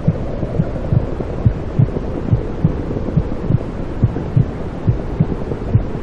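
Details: Soft, muffled maternal heartbeat thumps at about 70 a minute under steady low whooshing; womb sounds with heartbeat, blood flow and breathing, played to soothe newborns to sleep.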